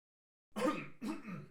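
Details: Two short, muffled coughs from a distance, one right after the other, from a man in another room: plain cough.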